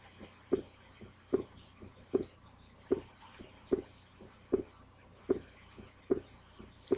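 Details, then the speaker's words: Split heart sound, played from a heart-sounds reference website during a nursing student's review of heart sounds. "the first one we're going to let's do is a split to"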